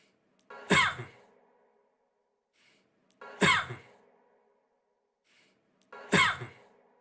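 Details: A single short, sharp, dry-sounding adult cough looped to repeat about every 2.7 seconds, each with an explosive onset and a brief fading tail.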